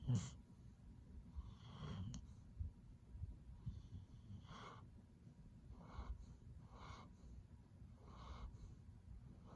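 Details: Quiet, uneven soft snorts and snuffles from a sleeping, relaxed dog over low room noise; snoring.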